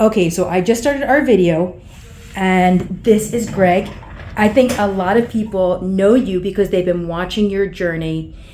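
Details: Adult woman speaking; typical speech.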